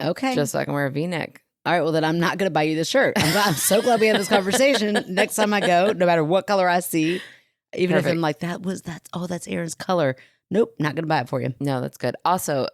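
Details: Adults talking in a small room; normal conversational speech.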